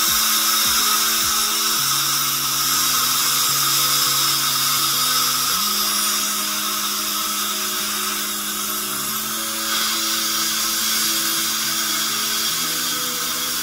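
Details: Dental drill with a steady high-pitched whine that shifts in pitch as it works, faint music behind, used on a young boy's tooth cavity during a filling under local numbing.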